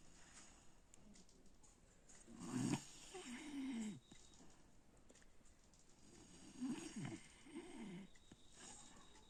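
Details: Snoring during sleep: two rough, rattling breaths about four seconds apart, each an inhale and exhale, with quiet room noise between.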